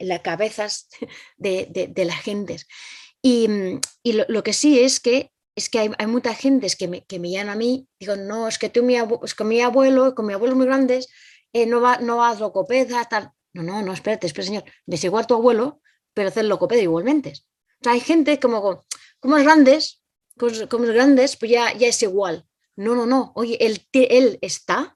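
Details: Spanish-speaking woman with aphasia for about two to three years after a stroke, with word-finding difficulty, repetitions and paraphasias, relying on phone photos and family to communicate; non-fluent aphasia.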